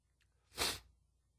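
One short, explosive, hissing burst of air against a quiet background, typical of a single sneeze.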